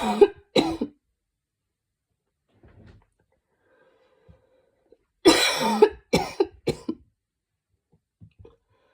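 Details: Cough after trying breathing techniques to clear mucus: two short coughs, a pause, then a harsh cluster of four or five barking coughs.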